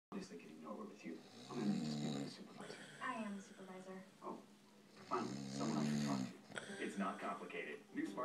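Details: Man snoring while asleep with a TV left on in the background.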